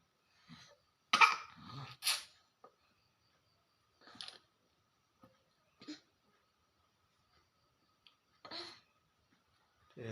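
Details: A young child still not yet able to drink well gives several short, wet, sputtering coughs while drinking water, typical of choking on fluids.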